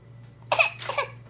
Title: Sad coughing 13 months